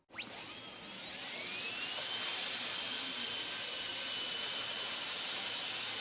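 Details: Dentist drill on-and-off sounds recorded for ASMR: a high-pitched whine rises quickly as the dental drill spins up, then holds a steady shrill tone.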